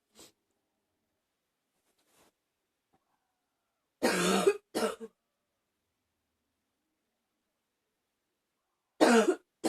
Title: # 19 Cold... sniffling and coughing a bit